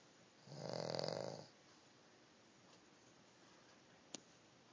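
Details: Sleeping King Charles spaniel, a small dog, snoring: a single soft, buzzing snore on the breath in, then quiet.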